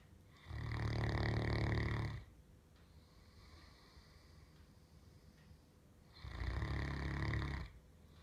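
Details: Snoring on the couch: two loud, deep, rumbling snores on breathing in, each about 1.5 seconds, separated by quiet breathing out.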